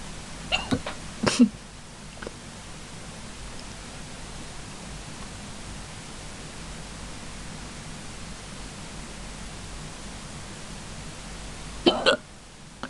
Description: I have the worst hiccups of my life. Enjoy my misery. -_-